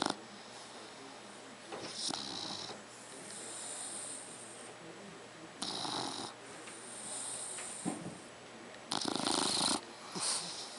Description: 3 month old Dogue de bordeaux snoring